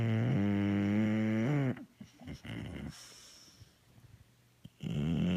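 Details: Bully dog snoring while awake: loud, rattling snore-like noise on the in-breath, a softer breathy stretch, then the snoring sound returns.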